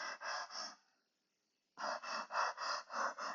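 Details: Cheyne-Stokes respiration (imitated).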